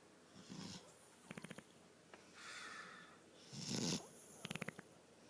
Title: Funniest snore ever